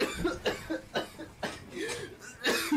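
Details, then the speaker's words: Adult cough persisting after COVID-19 infection with a fever around 40°C that has since resolved, also with diarrhea: a run of about five short, harsh coughs in quick succession, with a brief vocal sound between. "あのねコロナで熱下がってからもう咳めっちゃ出るから超辛いよ"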